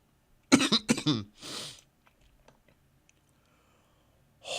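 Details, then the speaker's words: A woman coughs harshly twice in quick succession, then takes a noisy breath in, a brief coughing fit while playing a video game; she says she coughed so hard she felt lightheaded and nearly passed out. "Holy mother of God. I coughed so hard that I I was lightheaded for a second. I damn near passed out."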